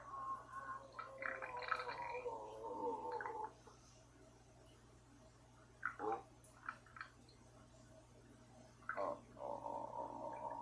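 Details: Hungry stomach growling (borborygmi): bubbling, gurgling rumbles for several seconds, a quiet pause, then brief gurgles resuming.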